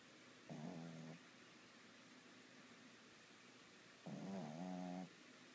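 Two rumbling, buzzing snores about three seconds apart against steady background hiss: snoring.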